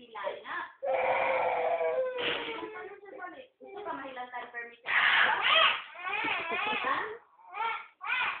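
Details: Young child crying, wanting to stay at a relative's house: wails and sobs in broken, rising and falling bursts with short gasping pauses.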